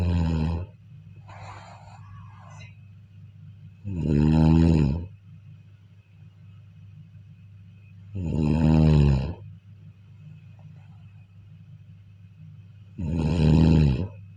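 Three loud, rattling inspiratory snores about four seconds apart, roughly 13 a minute, with quiet breathing between; ordinary snoring.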